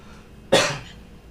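A single short cough or throat-clearing burst from an adult man, with quiet room noise around it.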